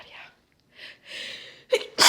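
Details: Female with a congested head cold, now on the mend, sneezing after taking chhinkni snuff: breathy inhalations building to a forceful, explosive sneeze.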